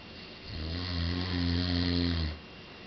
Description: This video does no justice .. there are no words for this man snoring!!! We were in the mountains and I thought a bear was in the house!